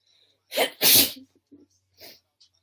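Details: A single sharp sneeze: a quick intake, then an explosive hissing burst, followed by faint breathing sounds.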